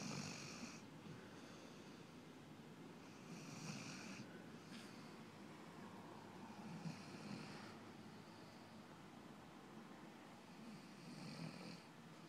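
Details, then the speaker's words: Puppy snoring during a 10am nap: soft, repeated low rumbling breaths with a faint whistly hiss on some breaths. "This is Puppy snoring."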